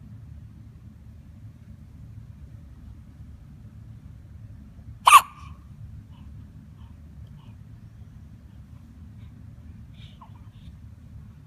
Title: - The Hiccups